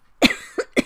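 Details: Three short, dry cough bursts from an adult woman with a cough, in quick succession in a quiet room.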